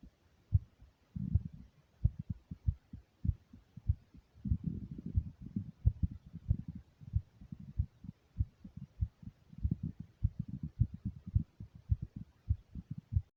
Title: First heartbeat recording